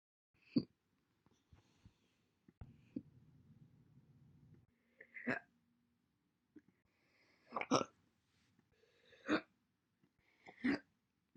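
Five or six separate abrupt, short gulping hiccups spaced a couple of seconds apart in a quiet room.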